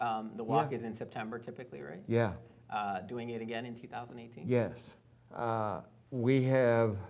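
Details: Adult male speaker; typical speech.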